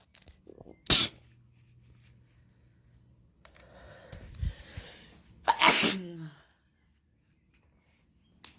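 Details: Adult with a head cold on day 5, now moving down to the throat, sneezing more than in years: a sharp sneeze burst, a brief breathy pause, then a second, louder sneeze with a voiced tail; repeated sneezing.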